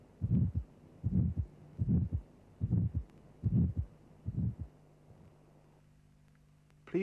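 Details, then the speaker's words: Simulated heartbeat at about 73 a minute with a harsh ejection systolic murmur of aortic stenosis: a triangular, crescendo-decrescendo envelope rising to a peak then decreasing rapidly, followed by the second heart sound. "The murmur has a triangular sound envelope increasing to a peak intensity, then decreasing rapidly."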